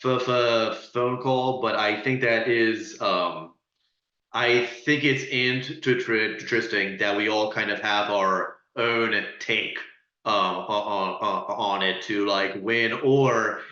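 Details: Adult who stutters speaking as a panelist, with audible repetitions and blocks; stuttering.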